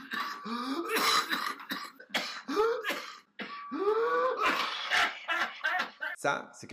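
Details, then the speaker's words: Pertussis (whooping cough) in its second, paroxysmal phase after cold-like symptoms: a rapid, nonstop fit of harsh coughs with strained, rising breaths squeezed between them; a nocturnal cough that worsens at night; paroxysmal pertussis cough. "on va tousser avec des quintes en quinte c'està-dire que on tousse nonstop écoutez le son"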